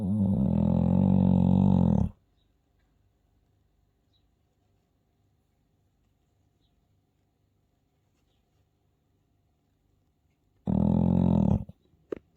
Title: Listen To This Dog Snore, Bless 🤣